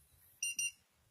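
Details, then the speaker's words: AED training demonstration after pads are applied to the bare chest with compressions ongoing: two short, high electronic beeps; AED alert tone. "Do not touch the patient. Analysing heart rhythm."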